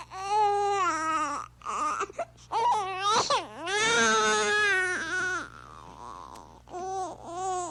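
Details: Infant crying in loud, high-pitched, tonal wails broken by brief catches of breath, sound-effect recording; infant crying.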